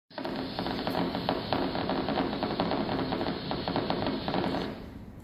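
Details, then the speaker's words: Needle EMG, teaching example: rapid crackling, sputtering spikes firing regularly over a steady hiss, a triphasic endplate spike, explained as not telling endplate spikes from fibrillations by their look; EMG endplate spikes. "this is a triphasic nplate spike this is a basic fibrillation you cannot tell what they are by looking at them and even though most nlate spikes will be biphasic negative"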